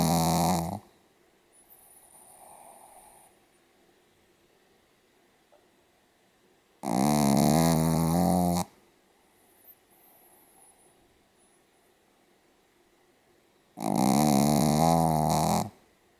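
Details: A Pomeranian dog snoring very heavily: three loud, rattling snores roughly every seven seconds, about nine a minute, with quiet breathing between.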